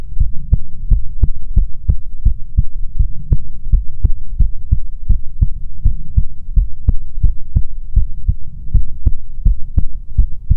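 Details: ASMR recording of soothing heartbeats: steady, muffled thumps in an even rhythm over a low background hum; heartbeat.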